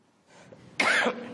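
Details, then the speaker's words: An adult woman, the Federation Council speaker, coughs slightly while speaking to journalists at a press briefing after a Russian Security Council meeting: a brief cough. "выступая перед журналистами после заседания совбеза россии слегка закашлялась но не растерялась помогло и чувство юмора"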